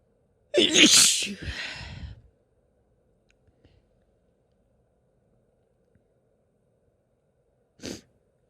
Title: Sneeze fit (f)